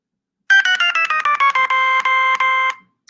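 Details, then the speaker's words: Continuous glucose monitor on a diabetic daughter sounding its urgent low alert, meaning glucose below 55: a loud, rapid run of electronic tones stepping down in pitch, then holding steady, a deliberately annoying tone chosen to wake the parent at night. "If she is an urgent low, which means she's below 55, which is like run downstairs kind of a low, here's what I hear."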